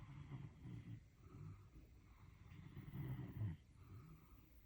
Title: My German Shepherd dog snores like human 😳😂🤣🐕 #doglover #adoptdontshop #doglife